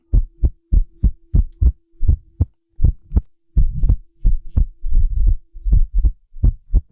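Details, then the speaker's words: Heartbeat of someone who says his heart beat like this 8 to 10 years ago: uneven, unpredictable intervals with no steady rhythm, an irregularly irregular beat of atrial fibrillation, described as the kind that leads to stroke. "यह ek aise व्यक्ति के दिल की धड़कन है जिसे stroke होगा।"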